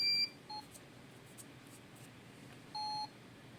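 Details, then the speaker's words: Fresenius Kabi Agilia SP syringe infusion pump switched on in a demonstration, running on battery: a few short, clear electronic power-on beeps in a quiet room. "Now it started and it's showing device operating on battery."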